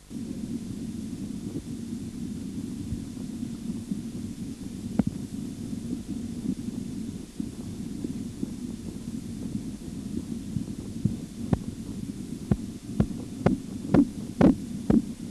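Low steady rumble of cuff deflation, then regular tapping sounds appear and grow louder: Korotkoff sounds.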